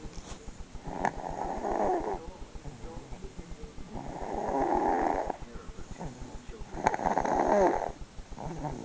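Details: Snoring recorded 3-18-08 during sleep: three loud, rough snores about a minute apart in rhythm, each roughly a second long, with quieter breathing between them.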